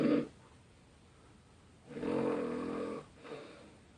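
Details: Loud snoring of a sleeping large adult man in a hostel dorm: a deep, vibrating snore on the in-breath followed by a softer breath out.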